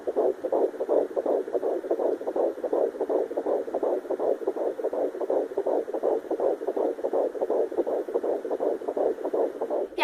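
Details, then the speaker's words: Fetal heartbeat on a Sonoline B handheld fetal Doppler in a second pregnancy: rapid, regular, whooshing galloping sound, about 160 beats a minute, within the stated normal 120–180, unlike the mother's 60–80. "hört sich das dann an wenn man den richtigen Herzschlag erwischt hat denn der sollte zwischen 120 und 180 Schlägen pro Minuten sein das hört sich an wie ein galop erend das Pferd dann wisst ihr das ist der richtige Herzschlag"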